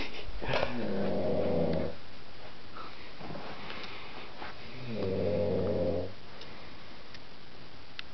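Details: Man sleeping at 1:30 am at a friend's house after a few drinks: two long, low, rattling rumbles on the in-breath, about 4.5 seconds apart. Loud snoring.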